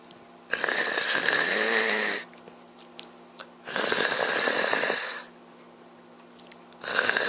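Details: Snoring from a sleeping adult man, a father: loud, harsh, rasping snores on each breath, about 20 a minute, with quiet pauses between and a faint room hum.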